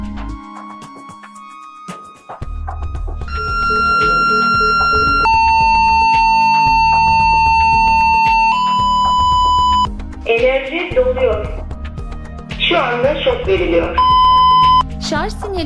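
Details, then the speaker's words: Defibrillator charging and ready tone: steady electronic tones change pitch over background music as the defibrillator charges via paddle button and signals ready, during simulated resuscitation for shockable rhythm (ventricular fibrillation or pulseless ventricular tachycardia). "deflatörü şarj etmek için pedal üzerindeki düğmeye basıp çekin şarj işlemini ekrandan izleyin ve sinyali bekleyin"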